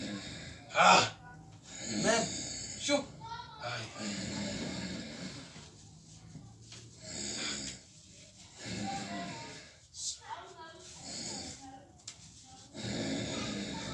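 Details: A roommate snoring during sleep: irregular rough snoring sounds with snorts in a quiet room.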